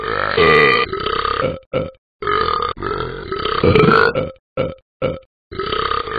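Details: Simulated burping from the Talking Ben the Dog cartoon app: a montage of loud, long, rumbling belches in quick succession with short gaps.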